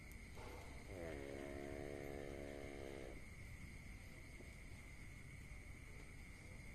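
A single drawn-out, buzzy breath sound over a steady background hum, consistent with a pet's ordinary snore.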